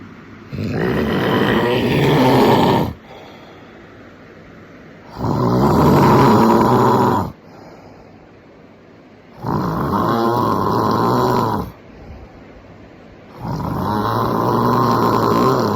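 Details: Man asleep early: loud, rough, rattling snores on each inhalation, about 14 a minute, with quiet breathing between: ordinary heavy snoring.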